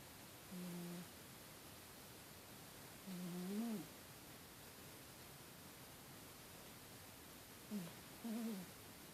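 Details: Spider the cat snoring and dreaming while asleep: soft, low, slightly whistling snores at uneven intervals with quiet gaps between breaths; ordinary cat snoring.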